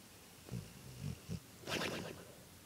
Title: My dog snores like a cartoon character